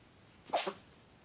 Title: cat sneezes on top of the closet